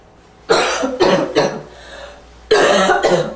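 Five harsh, barking coughs in two bursts, with a faint wheezy sound on the breath in between.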